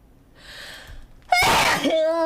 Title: []재채기